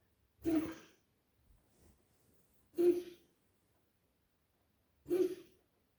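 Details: Dog coughing, recorded 30 Oct 2025 at 00:20: three short, harsh, honking cough bursts about two seconds apart in a quiet room; cough.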